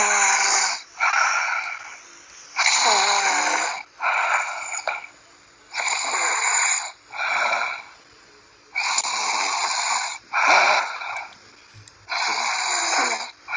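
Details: Loud, rhythmic, raspy snoring at about 19 snores a minute, on both breathing in and out, with brief quiet gaps between snores.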